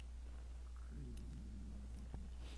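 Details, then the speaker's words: A low, wavering gurgle rumbles for about a second over steady electrical hum, from an adult math tutor who says he hasn't been eating properly: stomach growling. "you didn't hear that that was my stomach growling see how hard I work on this site I don't even eat properly"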